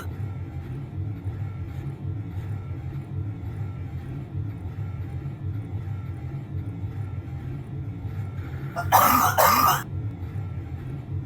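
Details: Nocturnal cough: two quick, harsh adult coughs near the end, over a steady low machine hum in a kitchen/laundry room at night.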